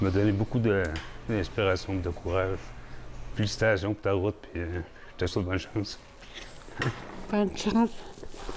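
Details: Adult man speaking French; Normal speech.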